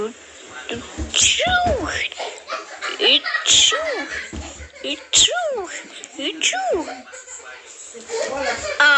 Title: small sneeze add round 8